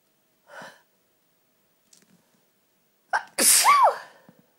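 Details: Christmas sneeze from a sneezy nose: quiet breaths, then a sharp catch and one loud, full sneeze.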